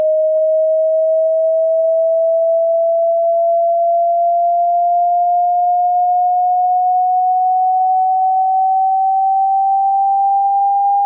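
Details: Generated hearing-test sweep tone: a steady pure tone rising slowly and smoothly from low to high frequency, used to find the listener's upper hearing limit.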